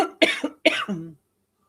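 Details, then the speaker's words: An adult woman coughing during a livestream: two or three short, forceful coughs, each with a brief voiced ending, in a quiet room; an ordinary cough. "I didn't mean to make you guys let you hear that cough. I so sorry. So unprofessional. I apologize. That's the reason why I said hold on because I had to cough."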